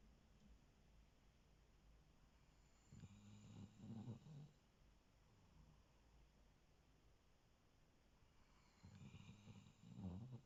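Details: Soft, low snuffling snores on the in-breath, two in about ten seconds over faint room noise, from a Sproodle dog sleeping on his owner's lap.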